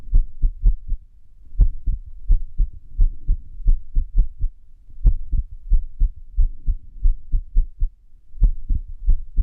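Low, muffled heart thumps come at uneven intervals, with bunched beats and irregular pauses, an irregular heart rhythm (arrhythmia).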